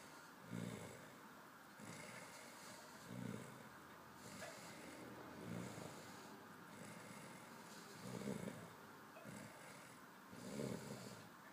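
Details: Snoring: steady rhythmic, rough fluttering sound on each breath in, about 25 breaths a minute, over a soft hiss.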